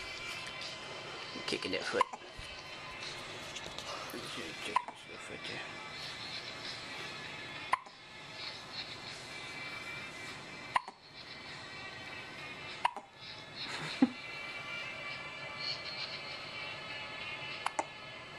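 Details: Brief sharp hiccups about every two to three seconds, roughly seven in eighteen seconds, from a baby, with music and adult talk in the background; recorded on a Flip Video camera; hiccups.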